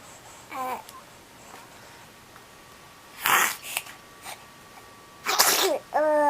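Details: Sneezing: two sharp explosive sneezes with brief voiced sounds between them in a quiet room.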